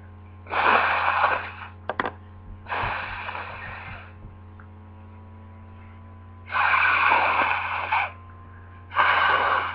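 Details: Repeated sneezing from an allergy to lilies: several forceful, hissing sneeze-like bursts with short gaps over a steady low hum.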